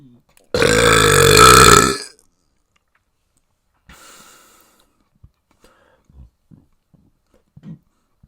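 One loud, drawn-out burp lasting about a second and a half, then a few faint small sounds in a quiet room.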